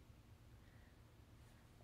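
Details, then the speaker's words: Stomach growling in a hungry 22-year-old woman who has eaten nothing since waking: a faint, low continuous rumble in a quiet room. "でめっちゃお腹鳴ってる、さっきから聞こえてるかもしれないけどめっちゃお腹鳴ってる。お腹空いた、お腹空いちゃった。"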